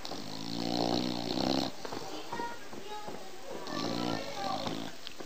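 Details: Bulldog snoring: two long, loud, rattling snores on in-breaths, with quieter breathing between them.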